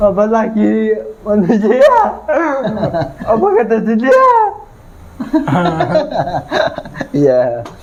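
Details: 22-year-old man with cerebral palsy (physical disability), which was linked to a difficult, delayed delivery at birth; dysarthria (cerebral palsy).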